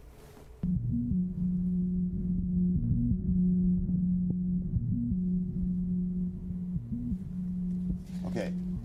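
A steady, whirring motor-like hum with a continuous low tone that warbles and shifts pitch slightly, masking any heart sounds: the running hum of a left ventricular assist device.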